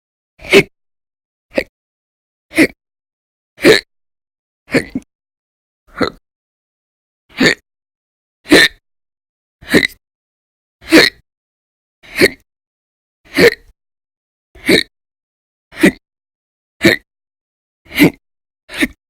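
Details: About 15 sharp, abrupt gulping hiccups over 19 seconds in a quiet room; an audio-only recording from a series of daily persistent, violent, loud hiccup episodes lasting many hours each during December 2019.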